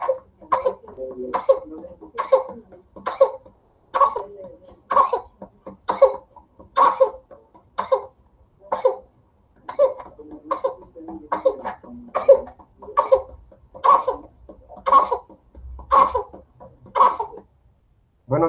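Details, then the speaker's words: Repeated rapid bursts of short coughs, about one per second, with brief indrawn breaths between; paroxysmal "100-day cough" of whooping cough (Bordetella pertussis). "chicos, eh es bastante gráfico, creo que no se necesita mucha explicación de la tos de los 100 días, así se llama, a a la verdadera bordetela, ya pertusis"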